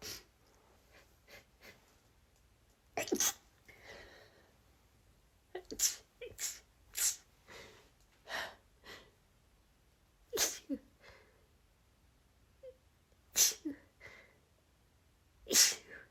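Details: About a dozen short, sharp, partly stifled sneezes from a female in rapid succession, forming a relentless sneezing fit.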